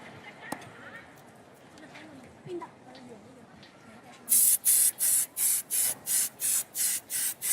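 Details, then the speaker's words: Quiet arena background, then about ten short rhythmic hissing spray bursts as an injured badminton player's whole left leg is sprayed during medical attention in a women's doubles final. "okay okay on the whole left leg there go spray where both players are getting some attention here"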